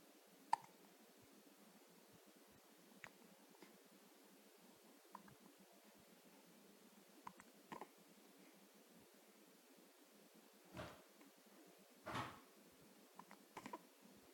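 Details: Infant with hiccups, calm this time, each hiccup jerking the head; a few soft, short catches spaced seconds apart in a quiet room.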